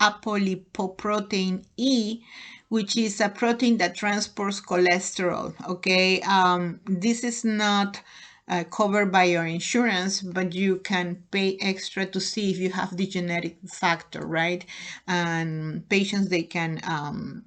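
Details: Adult woman lecturing; normal speech.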